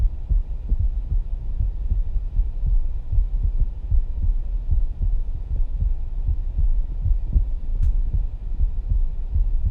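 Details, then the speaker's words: Live stethoscope auscultation of a person's heart after aortic, pulmonary and tricuspid areas: low thudding heartbeats about 77 a minute with rumbling handling noise; normal heart sounds. "for me personally there was an audible difference between when we were listening to the AOC at the pulmonary and then we jump down to the tricuspid you could hear the love dub really"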